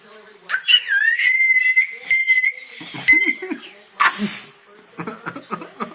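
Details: A child's single sharp, hissy sneeze, then bursts of laughing giggles; an ordinary sneeze.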